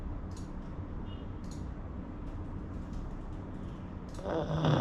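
Low, steady rumbling breath noise from a sleeping small flat-faced dog, with a louder snort near the end: snoring.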